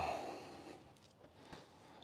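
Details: A Mustang mare gives a single forceful nasal snort that trails off into quiet breathing. It happens during a chiropractic session while her hind legs are being moved, and hock pain is suspected.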